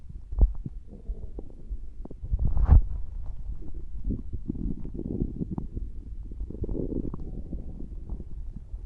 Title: stomach growling